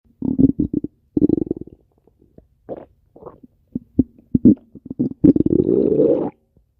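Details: Loud gurgling, rumbling bursts of gas and fluid moving through the gut, ending in a long growl; ordinary stomach growling (borborygmi).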